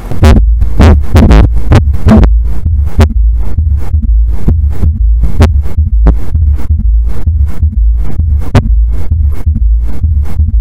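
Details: Third heart sound (S3): low, dull heart sounds in a steady rhythm, with a faint extra thud just after the second sound.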